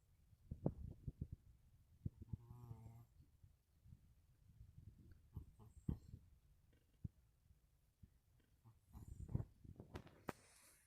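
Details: Cat sleeping after eating turkey, snoring: soft, low rumbling snores in slow repeating bursts, with small snorts and clicks, in a quiet room. Ordinary snoring.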